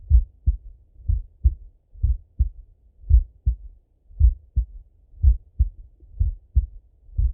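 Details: Full heart auscultation of a male through a stethoscope, recorded either sitting at a desk or lying in bed: even, crisp lub-dub with two distinct sounds per beat at roughly 58 beats a minute; normal heart sounds.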